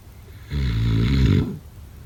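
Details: A single low, rumbling snore lasting about a second rises out of quiet breathing and fades back: snoring.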